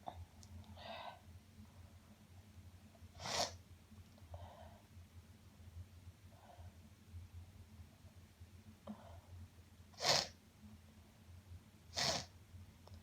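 Quiet recording with soft nasal sniffs and three sharp, hissy sneeze-like bursts over steady room hum; sneezing with sniffling.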